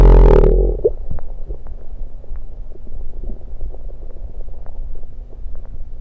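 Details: A loud rushing burst, then low rumbles with scattered gurgles and pops throughout from a person's own stomach, recorded while gulping Diet Pepsi; bowel sounds.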